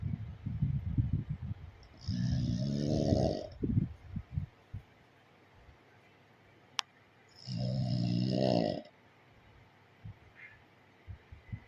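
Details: Sleeping pug snoring: two long, loud, rattling snores about five seconds apart, with soft snuffling breaths between them.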